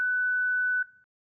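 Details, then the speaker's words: Zenix defibrillator/monitor during a synchronized cardioversion training demo: a single steady high-pitched tone under a second long, then cut off, as the charged device is disarmed. "If Xenex needs to be disarmed at any time when charged for a cardio version, select the red disarm key located on the right side of the defibrillation dashboard."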